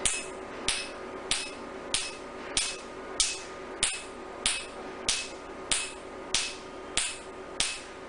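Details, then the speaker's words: Sharp, evenly spaced snapping clicks, about 95 a minute, over a low machine hum: Nd:YAG Q-switched laser pulses during R20 tattoo removal on a male patient's third sitting, lying comfortably without anesthesia or pain, white spots appearing. "This is the NDI Q-switch laser being done on this tattoo. It has got no pain and patient is very comfortable."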